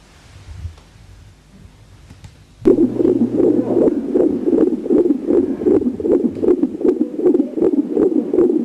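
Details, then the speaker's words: Normal fetal heart sounds heard with an obstetric stethoscope, longitudinal lie, cephalic presentation, first position, best heard left below the umbilicus; fast, regular soft thumping about 155–160 per minute. "в данной ситуации продольное положение головное предлежание первая позиция место наилучшего выслушивание сердцебиения плода находится слева ниже пупка"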